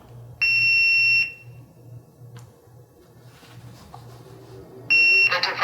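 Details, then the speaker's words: A loud, steady high-pitched beep lasting under a second, then a second beep starting, over a soft low motor hum, as a SeQual eQuinox portable oxygen concentrator is switched on, before its voice module speaks: device power-on beep. "one thing you will note as soon as i turn the machine on you'll hear a beep and then the device will talk"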